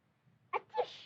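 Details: Acted sneeze from a film supercut: a short sharp intake, then an explosive burst trailing into a hiss; a cinematic sneeze, not a real patient.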